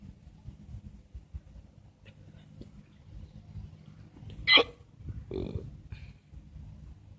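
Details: A single sharp, abrupt hiccup at a park, heard over faint outdoor background noise and distant voices.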